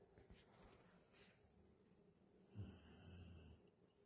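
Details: Galgo (sighthound) named Carlotta sleeping: quiet, low rumbling breath noise with a louder snorting inhalation near the end, in a quiet room; dog snoring.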